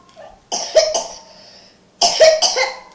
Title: Stop in the name of love with some coughing